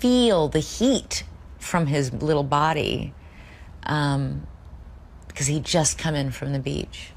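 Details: Real audio tape of an adult woman reading copy while drunk, recorded over two years earlier; she could read the words but couldn't make her mouth say them, struggling with simple words; slurred speech from alcohol intoxication.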